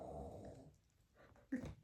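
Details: Snoring heard from someone upstairs in a different room of an open-plan house: distant snoring.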